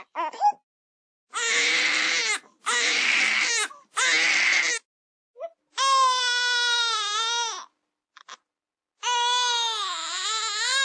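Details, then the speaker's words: Infant colic cry, said to typically appear around 4–8 weeks of age and signal tummy pain from trapped gas: intense crying in strained, harsh bursts, then high wails. "그래서 우리 애가 아파요 라고 할 때는 그런 부분 우리 애기 우는 소리 한번 들어볼게요."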